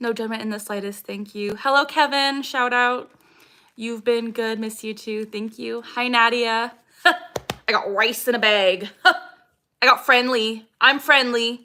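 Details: Vocal tics from Tourette syndrome in a 26-year-old woman, diagnosed at 12 with tics since about age 3. Repeated phrase tics interrupt her speech, and she says her tics are especially active today.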